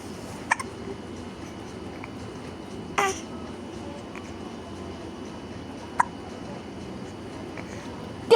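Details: Infant on day 130, described as hungry: brief sharp catches about every three seconds, four in eight seconds, over soft background noise; infant hiccups.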